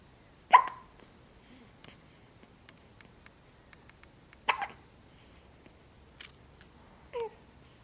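Three short, sharp hiccup sounds a few seconds apart in a quiet room; ordinary infant hiccups.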